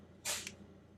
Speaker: bless you. Did you guys hear that? The cat sneezed.